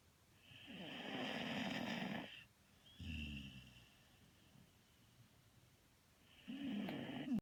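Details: Loud, rattling snores on each in-breath with quiet pauses between, in a quiet room; snoring during sleep.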